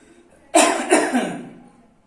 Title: Cough & Sneezing Precautions | Corona Virus | 08 April 2020